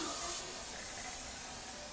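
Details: Steady loud hiss of spray and suction as a dentist rinses a patient's mouth during digital impressions for an implant crown: dental air-water syringe with suction.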